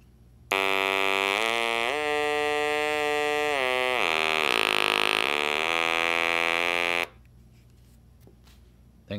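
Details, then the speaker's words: Electrolarynx tone from a TruTone EMOTE: a steady buzzy mechanical tone shifting up and down in pitch as the tone and volume controls are rotated. "but I'm going to turn the device on so that you can hear them"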